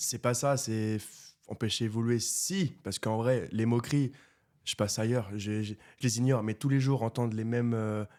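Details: Stuttering in a 24-year-old man who has stuttered since birth; it was severe in childhood and treated with speech therapy, and he now stutters mainly under stress and only a little in this conversation.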